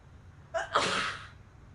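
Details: A girl gives a single sharp sneeze in a quiet room, with a quick intake of breath before the loud burst.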